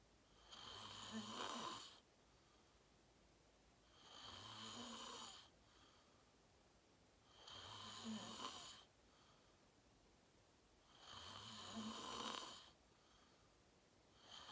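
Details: Self-recorded adult sleeping, fell asleep fast around 8:45, self-described deep REM sleep (sleep apnea only hashtagged): loud rasping snores on each breath, about 16 a minute, quiet gaps between; heavy snoring.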